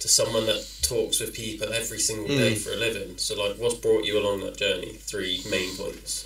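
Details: Adult speaker; typical speech.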